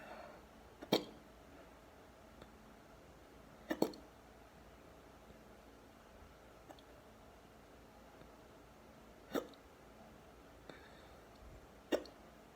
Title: Deep hiccups